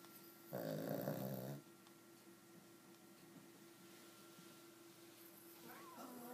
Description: Pugsley an 11yr old pug snoring while wearing her pug socks (to get traction when she walks due to arthritis.